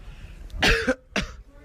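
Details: Brief cough during a prank on friends: two short, sharp bursts in quick succession, one stronger than the other.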